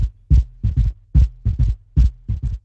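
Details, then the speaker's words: Heart-failure clinical case with pulmonary oedema, dyspnoea and bibasal crackles: the same sound is heard in all cardiac auscultation areas. This is a gallop rhythm, here an S3 gallop. "Ritmo de galope. Ya, o sea, el ritmo de galope se puede referir a S3 o S4,"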